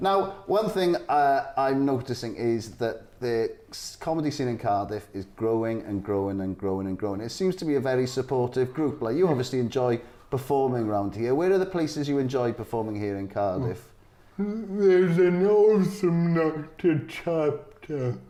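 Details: Adult men in interview; conversational speech.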